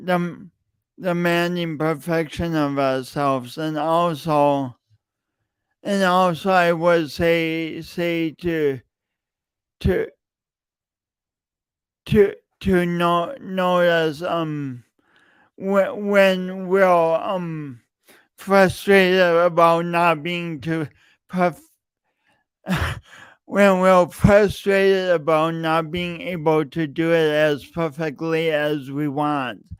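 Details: Stuttering in an adult male podcast host with a long-standing speech impediment that he denied for years; repeated words throughout his speech.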